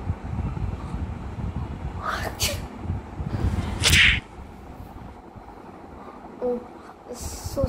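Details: Staged comedic sneezes: two sharp, explosive bursts over steady background noise.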